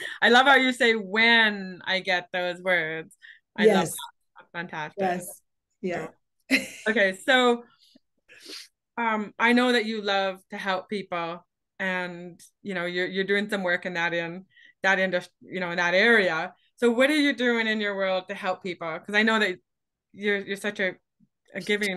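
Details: Adult woman speaking; normal speaking voice.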